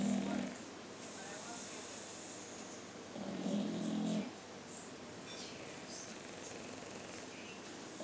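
Low, rough rattling snores on the in-breath, several seconds apart, over quiet room noise: snoring in a sleeping dog.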